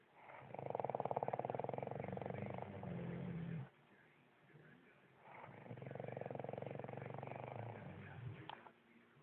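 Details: Snoring: two long, rough, fluttering breath sounds with a quiet gap between them, a typical snoring pattern.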